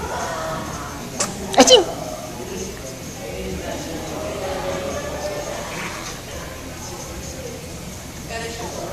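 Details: A single sharp sneeze burst standing out from quiet room noise with faint background music; sneezing.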